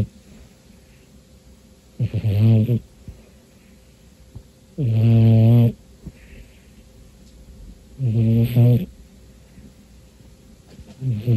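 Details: A pet cat in deep sleep on a tiring afternoon snores steadily at about 20 breaths per minute, with a vibrating snore on each inhalation; he snores most of the time when asleep.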